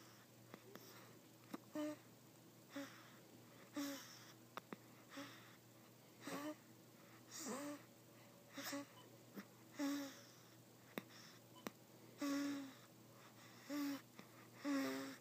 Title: Snoring and Drooling